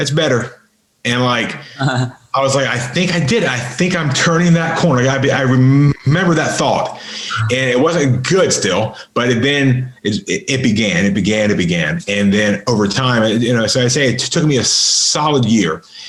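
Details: Adult man with a lifelong severe stutter, improved through extensive practice and an intensive stuttering school and still stuttering somewhat, in podcast conversation. This stretch has repeated words and part-words: stuttering.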